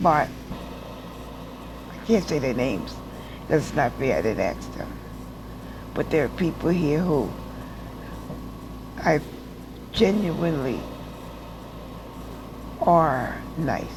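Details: Adult woman with aphasia after a stroke, still in speech therapy classes and in rehab after repeated hospital stays, relearning to walk; real patient; aphasia after stroke.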